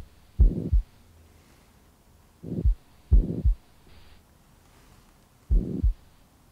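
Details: Patient rolled onto the left side and holding breath after a deep breath in and out (accentuation manoeuvre for a mitral murmur). Low heart sounds with a steady blowing murmur filling systole, heard at the axilla: pansystolic murmur of mitral regurgitation.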